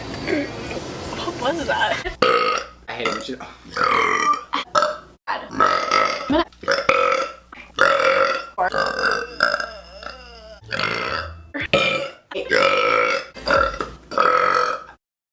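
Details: Compilation of a woman's deliberate burps: about ten loud, voiced burps of varying length in quick succession; repeated burping.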